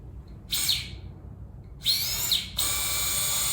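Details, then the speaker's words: High-pitched whining surgical bone drill bursts drilling an anchor hole during a rotator cuff repair demonstration on a model, after threading stitches through a double-row anchor, simulated keyhole shoulder surgery. "okay so we've threaded all those and let's drill another little hole"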